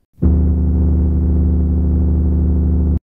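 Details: Simulated tinnitus from an awareness documentary: a steady, deep droning hum with a low throbbing edge, unchanging for about three seconds, representing low-pitched rumbling tinnitus.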